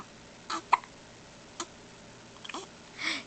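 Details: Baby with hiccups: a few brief, sharp vocal bursts at irregular spacing with quiet gaps between them.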